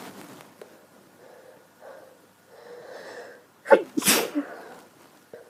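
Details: Female with a horrible cold having strong sneezing fits: quiet breathing builds into a sharp explosive sneeze, followed by a smaller trailing burst; sneezing.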